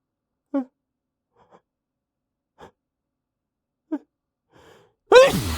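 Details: Male trying to talk while holding back huge sneezes: several short, catching inward gasps, then a sudden loud burst, likely a sneeze breaking through.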